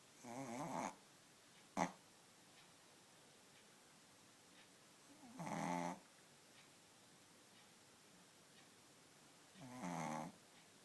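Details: Snoring: three loud, rattling snores about every five seconds, with quiet breathing between and one sharp click.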